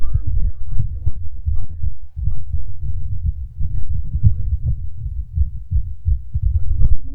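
Rapid, closely spaced low thumps with a muffled, rumbling background; a fast heartbeat.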